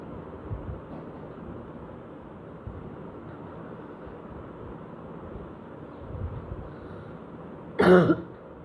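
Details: Productive cough recorded just after waking, with a hoarse voice and phlegm spat into a bowl, slightly less than the day before: a single heavy, wet cough burst over background noise.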